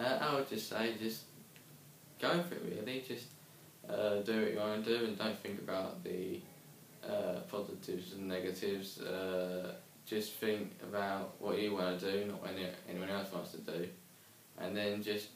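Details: Young man who stammers, after attending an intensive group therapy course for stammering; stammering.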